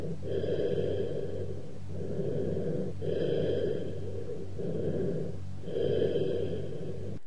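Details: Teaching-cassette recording of breath sounds: low, hollow, blowing breathing with loud, prolonged expiration and a gap between phases: cavernous bronchial breath sounds.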